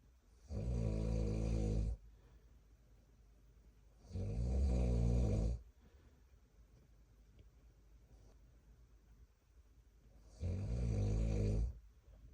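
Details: Father snoring, recorded during a 33-week pregnancy alongside fetal movement: three loud, low, rattling snores on the breath in, about 4 seconds apart, with quiet breathing out between them.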